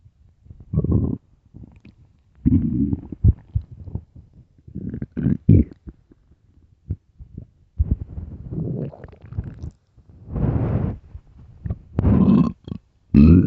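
Repeated low, drawn-out gurgling rumbles with short pops between them: loud stomach growling, ordinary hunger-related gut activity.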